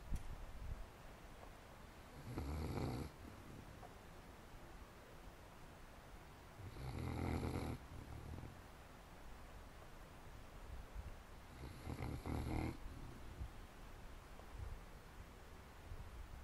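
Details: Short-nosed (snub-nosed) sleepers snuffling and snoring: regular low, rumbling snores on each breath in, about 12 breaths a minute, with quiet hissing between them.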